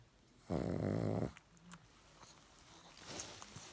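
One loud, rough, buzzing snore lasting under a second, then quiet breathing with small snuffles; noisy snoring of a flat-faced dog.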